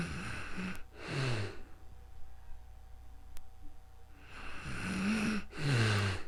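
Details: Real-time snoring during calm sleep, recorded with a new microphone: two slow, rough breaths in about six seconds with low rattling vibration in a quiet room.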